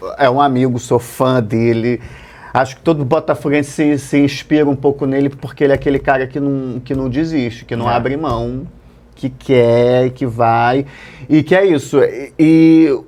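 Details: Adult male Portuguese-speaking comedian who has stuttered since childhood; stuttering.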